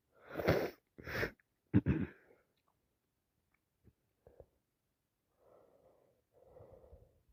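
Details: Person with a head cold: three wet sneezes in quick succession, then small sniffs and two soft nose blows while talking about the cold.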